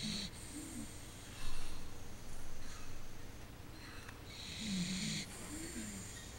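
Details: Sleeping dachshund snoring loudly with rough, low rattling breaths and whistling nasal snorts.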